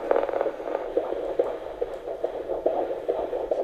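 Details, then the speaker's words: A midwife listens by Doppler to the fetal heart of a healthy pregnant woman at a maternity clinic: rapid, steady whooshing fetal heartbeat at about 140–145 beats a minute, very regular: normal fetal heart rate. "est très régulier 140 toujours 140 145 donc c'est un bon rythme tout fait régulier tout à fait normal"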